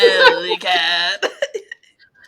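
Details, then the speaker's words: Adult with a cold, still sick, gives a drawn-out voiced sound followed by about four short, dry cough bursts: cough. "so i'm still sick you hear that henceforth the van cough"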